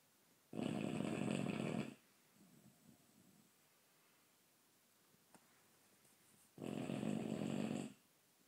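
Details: Snoring from a sleeping bulldog tired out after an afternoon picnic: two loud, rough snores about six seconds apart, roughly ten breaths a minute, with quieter breathing between.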